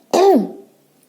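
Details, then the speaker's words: Mother with an itchy throat: a single short, voiced cough like a throat-clearing; cough. "Batuk bunda. Gatal tenggorokan bunda."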